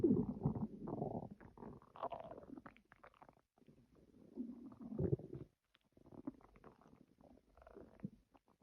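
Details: Stomach growling (borborygmi): low gurgling, rumbling bursts come and go irregularly with brief quiet gaps.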